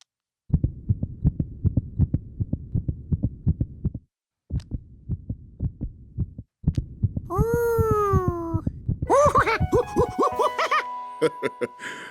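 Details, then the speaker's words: Cartoon, not real: a doctor lets a monkey listen through a stethoscope to the doctor's own heart; rapid thumping heartbeat, followed by music and sound effects. "Ever used a stethoscope, George? I use it to hear things that I can't see. That's the sound of my heart."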